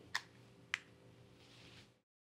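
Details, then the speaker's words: A Redihaler dry powder inhaler, kept upright, gives two sharp plastic clicks as its cap is pulled down to open it, over quiet room noise. "Otra diferencia importante es que para abrir el Redihaler hay que jalar la tapa hacia abajo,"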